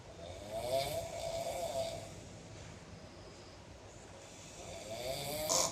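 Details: Person snoring loudly in a dorm: a harsh rasping snore on the in-breath, a quieter stretch, then the next snore building, over a noisy room.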